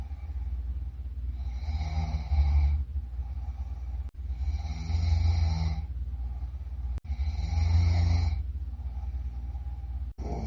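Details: Heavy snoring: loud, deep, rattling snores on each breath in, about three per 10 seconds, with quieter breathing between them.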